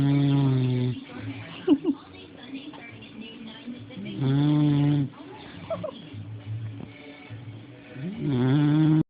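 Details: Snoring: deep, droning snores about every four seconds, roughly 15 a minute, with faint television sound between them.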